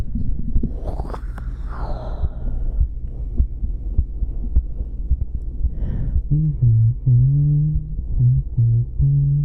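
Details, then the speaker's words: Heartbeat recorded for ASMR: soft, low, repeated thumps with muffled humming over the end and some body noise, tummy noises and breathing also audible; normal heartbeat. "So here, you get to enjoy the sound of my doki doki."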